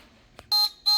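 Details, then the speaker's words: Bench test of a battery-run Baxter Infuse OR syringe pump with a fluid-filled syringe and a closed line: a faint click, then two high-pitched beeps; occlusion alarm, which the manual says triggers at eight pounds of force. "okay there's our alarm Okay so according to the manual occlusion alarm occurs when there is eight pounds of force"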